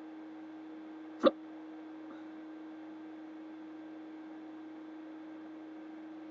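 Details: A single sharp, abrupt hiccup in a quiet room with a steady background hum, from someone with persistent hiccups at 3:30 in the morning who is trying to sleep.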